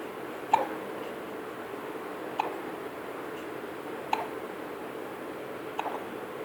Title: Baby has hiccups